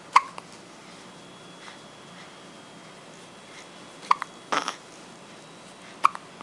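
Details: Cat with hiccups: short, sharp little hic sounds, about four over six seconds at irregular gaps, in a quiet room.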